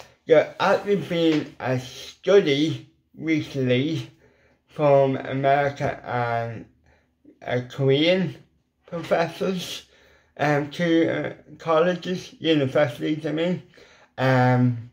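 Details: Adult man with ataxic cerebral palsy whose lip muscles are weak and cannot form the shapes needed for certain letters, a lifelong speech impediment: dysarthria (cerebral palsy)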